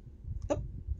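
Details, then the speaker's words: Cat after over-excited wrestling with Gabby gives a single short, sharp cough over low room noise, then seems better. Cough. "okay he's be now at my feet and he clearly feels better so uh guess he just needed to cough it out"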